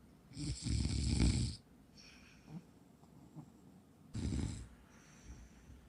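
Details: Shih Tzu dog (female) snoring very loudly: two rough, rumbling snoring breaths with a whistling hiss and faint softer breaths between.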